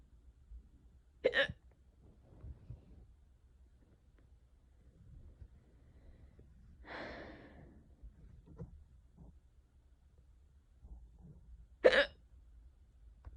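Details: Self-recorded unusually bad, prolonged hiccup bout in a quiet room: two sharp, abrupt hiccups about ten seconds apart, with a breathy exhale between them; hiccups.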